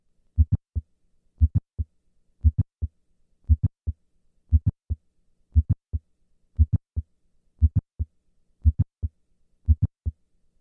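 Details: Simulated mitral valve prolapse at the apex, about 58 beats a minute, with a sharp mid-systolic click after S1. The S1–click interval is 140 ms standing and lengthens to 200 ms on squatting.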